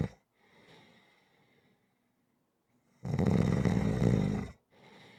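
A single loud, rough, low rattling snore lasting about a second and a half between quiet breaths.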